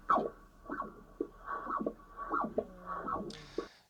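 Rhythmic whooshing, squeaky pulses of blood flow through a heart valve, picked up by cardiac ultrasound Doppler.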